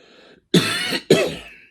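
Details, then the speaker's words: Adult cough from a hoarse-sounding former smoker who quit about a month ago: two sudden harsh cough bursts with a throat-clearing quality. "I don't know why I sound so hoarse. I quit smoking like a month ago. It was actually a month yesterday."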